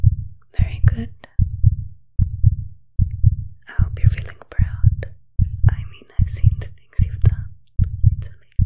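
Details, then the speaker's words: Simulated ASMR exam of a role-played athlete: a steady, strong, calm heartbeat of about 75 beats a minute heard through a stethoscope under a lifted shirt, with soft whispering over it; a normal heartbeat. "you're quite deadly trained sounds really good very strong and so far it's very calm"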